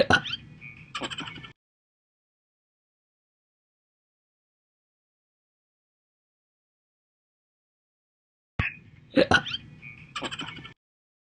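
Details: Loud hiccups in a long-lasting episode, audio from earlier years (2018 and 2021), partly self-reproduced slow hiccups filling gaps: sharp, abrupt vocal hiccups in two short clusters separated by silence.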